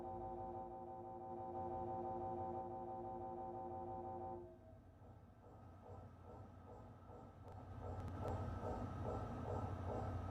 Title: Mri&Metal 🧲 ☢️ mri sound 🔊 #أشعة #radiology #xray #فيزياء_طبية